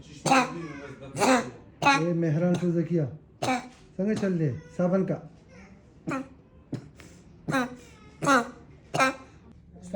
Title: Psychogenic cough ❤️❤️❤️